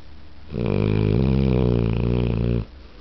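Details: A pit bull dog snoring in daylight: a single loud, low, rattling breath lasting about two seconds, in a quiet room; dog snoring.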